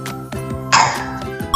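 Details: Single sharp cough from a young child, ill with fever-season illness and a hoarse voice, coughing while singing a colour-learning song over background music.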